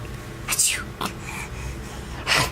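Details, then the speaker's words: Young child's fake sneeze on her father's request: a few short, breathy, hissing bursts, an imitated sneeze rather than a true sneeze reflex. "it good job now cough you got to cough too can you cough okay all right sneeze one more time one more time go"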